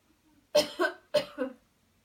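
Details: Cleansing-healing coughing technique demo: after guided counted breathing and a deep breath in, two strong double coughs in quick succession in a quiet room; voluntary airway-clearance cough.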